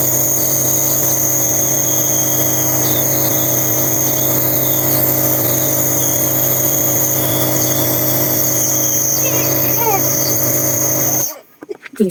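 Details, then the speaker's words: 9-month-old baby with over a week of cough and colds, asleep during a 10 pm nebulizer treatment: a steady, loud droning hum of the nebulizer compressor running, stopping near the end. "gabi na guys pero kailangan kong magp nebul sa aking baby kasi meron siyang upo at sipon so alas Anong oras na 10:00 na ayan inb ko siya tulog siya maingay lang ung Med live sir kang mag-ano ha"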